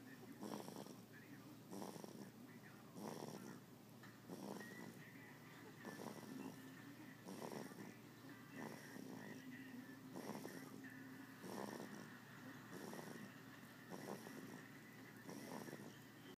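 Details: Person snoring: rhythmic, rough snoring with each breath, roughly 45 a minute, over a faint steady background hum.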